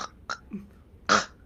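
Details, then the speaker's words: A sleep surgeon simulates obstructive sleep apnea: an imitated snort followed by a sharp, noisy gasp, showing the snore-then-gasp pattern of throat obstruction. "sleep apnea is a problem of the throat plain and simple you know obstructive sleep apne is obstruction you know I'll simulate you know that's snoring then you have a"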